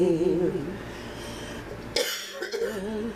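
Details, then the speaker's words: A sung hymn line fades, then two short, sharp coughs from an elderly woman with Alzheimer's singing with her caregiver daughter, before the singing picks up again; cough. "yes Father well ain't that a pretty ending hacking away yes yes yes yes"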